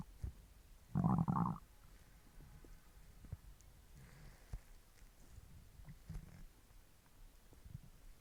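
A loud low gurgling growl lasting under a second, then faint scattered rumbles and clicks. Normal stomach growling from hunger.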